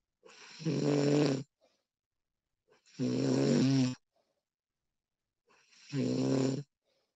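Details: Three loud, buzzing snores about three seconds apart with silence between; a person snoring during sleep, female version, professionally recorded; snoring.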